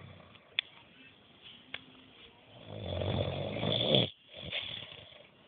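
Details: A man snoring in a quiet room: a rough, rattling breath sound builds and then cuts off, with a quieter one after it.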